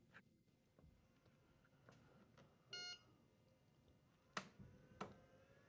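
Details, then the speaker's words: Rhythm Healthcare P2-E6 portable oxygen concentrator just powered up, rated about 40 decibels: quiet room, short start-up beep, then soft intermittent puffs and clicks of the device running quietly. "All right. So we got the device powered up right now and it is pretty quiet. Um they do rate it at about 40 decibels."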